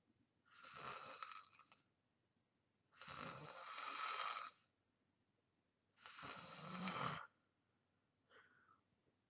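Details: Self-recorded sleeping deeply, ASMR: loud, rough, rattling snoring breaths at about 20 a minute in a quiet room, then a fainter breath.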